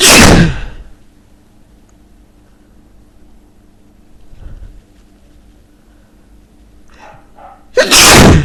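Two forceful, explosive sneezes separated by a quiet pause with faint room noise.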